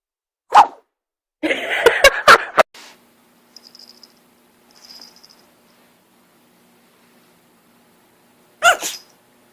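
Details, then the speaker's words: Puppy sneezing: a few short, sharp nasal bursts separated by quiet and small snuffles. "Oh, I'm sick. He sneezed on me."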